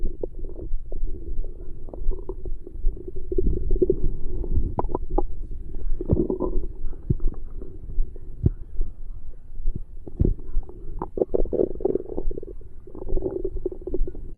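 Continuous low gurgling and rumbling with bubbly pops: active stomach growling after a meal, a normal bowel sound.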